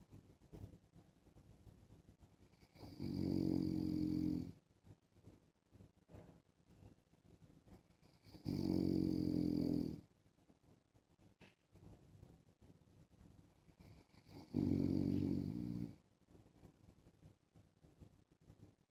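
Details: Husband snoring in sleep while wearing a mask: three loud, rough snores about every six seconds, with quiet breathing between; ordinary heavy snoring.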